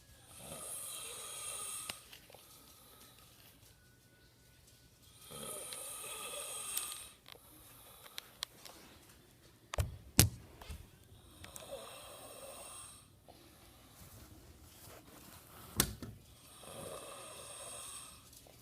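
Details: Older brother sleeping: three loud, rasping snores about every five seconds, roughly 12 breaths a minute, with a few clicks and bumps between; loud snoring.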